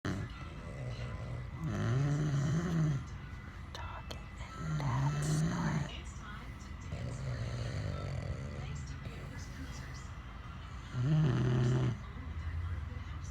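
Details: Adult man and a French bulldog both sleeping and snoring very loudly: low, rumbling snores in slow, irregular bursts over steady room noise.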